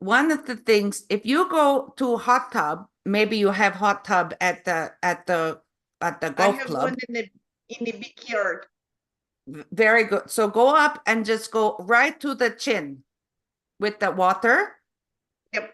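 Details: Adult woman with foreign accent syndrome since 2010: foreign accent syndrome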